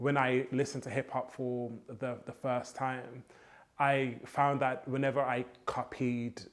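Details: Adult man who has stammered since childhood; copying rhythmic hip hop flows helps his fluency; stuttering.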